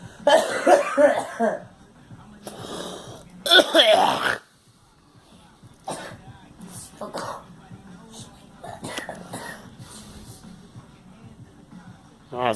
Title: Girl coughing and me